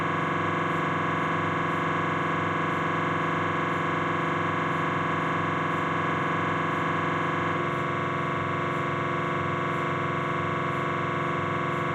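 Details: Knee MRI scan on a Philips 1.5T scanner during the T1 coronal sequence: loud continuous buzzing drone with rapid rhythmic pulsing that shifts in tone partway through.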